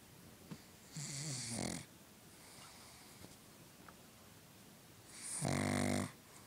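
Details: A pug asleep during one of his daily naps: two loud rattling snores on breaths in, separated by quiet breathing; snoring.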